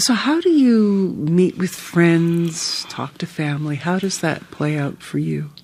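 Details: Adult interviewer speaking; Normal speech.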